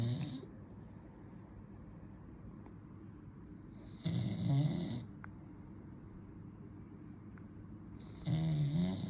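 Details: Dad's snoring, with baby nearby reacting: low, rattling adult snores on the in-breath about every four seconds, soft hiss between them.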